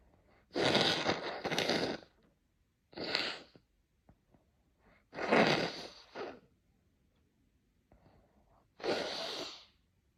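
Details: Four loud, explosive sneezes, the first a quick double, separated by quiet pauses and faint sniffs. Repeated sneezing.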